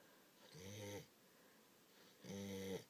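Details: Sleeping English Springer Spaniel after a day of eating lots and playing with children: two drawn-out, tonal, gobbling "turkey" snores about two seconds apart with a quiet pause between; snoring.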